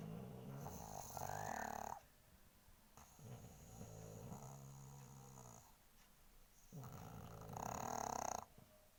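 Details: Sleeping pug: loud, rattling snores, three noisy breaths in about nine seconds with quieter pauses between; snoring typical of a flat-faced dog.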